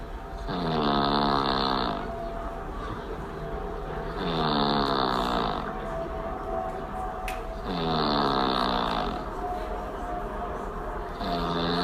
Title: air plane snore